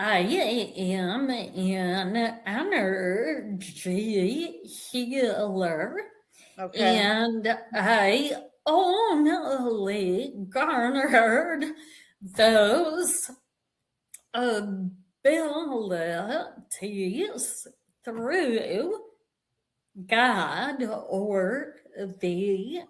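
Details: Vocal tremor in an adult woman, real, which she and the description attribute to over five decades of narcissistic abuse and trauma, beginning at age five, affecting her body and nervous system.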